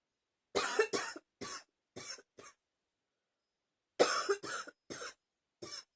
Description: Ten minutes of coughing.